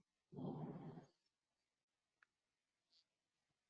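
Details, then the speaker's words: Obstructive sleep apnea in a sleeping man: a silent breathing pause while his chest and abdomen rock against a closed throat, then arousal, the airway opens, and loud snoring resumes. "the apnea you're witnessing an apnea right here and notice that he's trying to take a breath and it's unable to for a while until he finally has an arousal his airway opens up and you hear the snoring sound"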